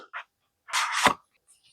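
A brief indrawn breath, then a single sharp burst of air ending in a voiced sound: one sneeze.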